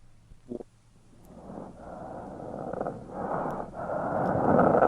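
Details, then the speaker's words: Death rattle in a dying patient: noisy, wet, gurgling breaths building to a coarse rattle at the end, crackles from profuse airway secretions heard over the mouth. "That's the rattle there, that little snaky type thing at the end, little rattlesnake. It sounds like Holden scratching his back. It really does, actually. And that's a death rattle."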